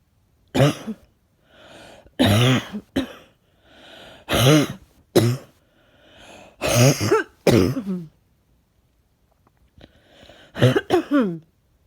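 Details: Repeated chesty voiced coughs, about eight bursts, often in pairs, with audible breaths and sniffs between them, from a person who feels something stuck in the chest and is out of breath. Cough.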